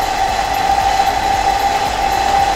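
Loud steady droning hum with a fixed mid-pitched tone, a suction machine switched on and tested before use.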